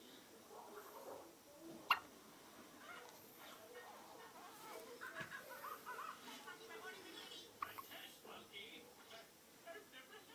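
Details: Newborn baby girl with hiccups: two sharp, brief infant hiccups several seconds apart, with soft voices and room noise in the background.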